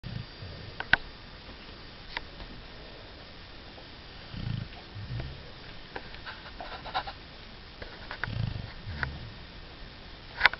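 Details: Snoring from a sleeping overweight beagle: soft, low rumbling snores in short paired bursts over quiet room noise with faint clicks.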